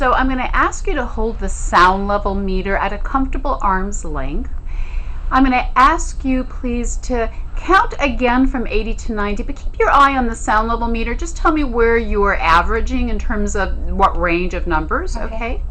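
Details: Adult female clinician; Typical speech.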